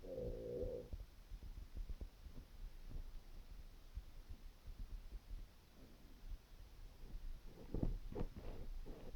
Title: Hungry stomach rumbling with water